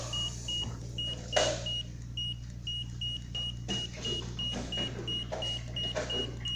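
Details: Crono syringe pump being programmed in time mode, volume then time in 15-minute increments: short repeated high beeps over steady low hum and room noise.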